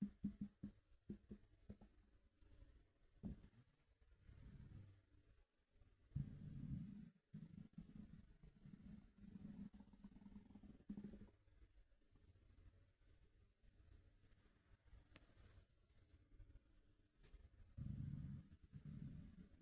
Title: Empty stomach rumbling through my tee shirt